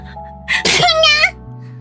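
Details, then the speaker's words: A single sneeze while streaming, described as sounding different from other people's: a quick intake, a sharp burst, then a rising voiced tail like a cat's mew. "제 책기 소린데 마이크를 끄기에는 옆에를 눌러 있어가 없었어 책기 소리가 조금 남들이랑 다르긴 한데"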